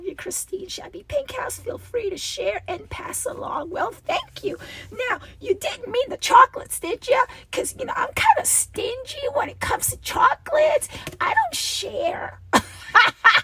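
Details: Adult woman with a recurring double-voice episode that she says requires a return to voice therapy when it happens, with a rasp she feels vibrating below her vocal cords; diplophonia (double voice).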